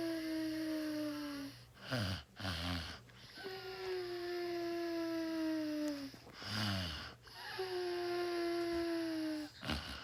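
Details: Sleeper snoring, reportedly for six hours: a whistling, tonal snore on each breath in, about 18 breaths a minute, with soft snorts between; snoring.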